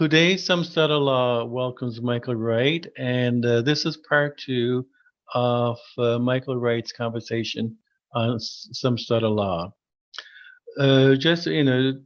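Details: Adult who stutters, formerly severe and covert stuttering with secondary characteristics; repeated words heard; stuttering.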